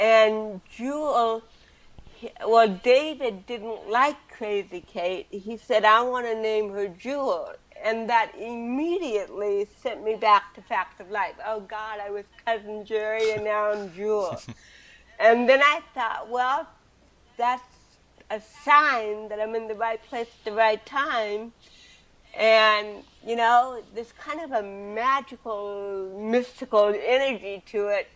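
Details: Adult woman with cerebral palsy since birth, speaking in an interview; dysarthria due to cerebral palsy.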